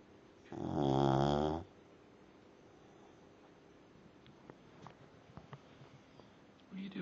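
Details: Dog snoring: one loud, low, rattling snore lasting about a second, then quiet room noise with faint clicks.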